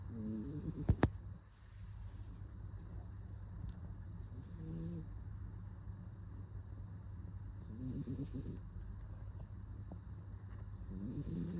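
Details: Soft, rhythmic snorting snores from a sleeping toy poodle, with a steady low hum in the background; snoring.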